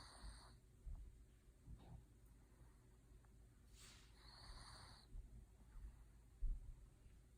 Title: snoring